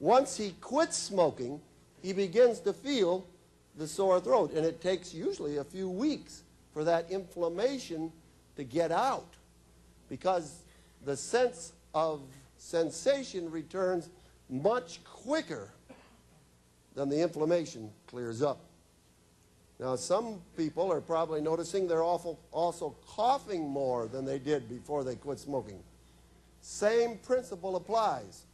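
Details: Adult male speaker; normal speech.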